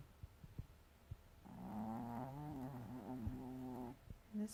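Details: A female teacup Maltese sleeping deeply, snoring loudly like a human all night, gives a drawn-out, voiced, fluttering snore; snoring.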